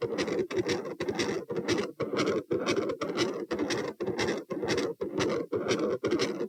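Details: Heart recorded at position P, standing: separated S1, S2 merge into a continuous machinery murmur focused over S2, sustained minutes before S1/S2 return; possible patent ductus arteriosus, or aortopulmonary window or collateral vessel.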